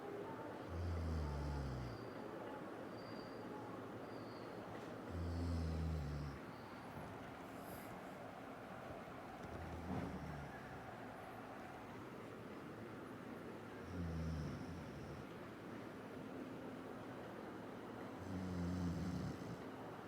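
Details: Regular deep, rumbling snores about 14 a minute, each a low vibrating inhalation, over steady room hum; snoring during sleep.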